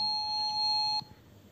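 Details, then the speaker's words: Fresenius Kabi Agilia VP volumetric infusion pump mounted on an IV pole: one steady high-pitched electronic beep about a second long when the power inlet is connected to mains, a normal device power-connection sound. "So we will put in the inlet to the power, and we can hear a sound."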